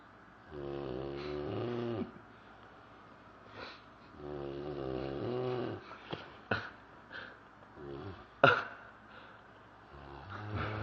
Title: DB Snoring